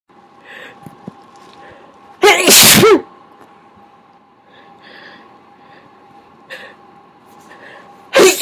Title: even more big sneezes and a ton of talking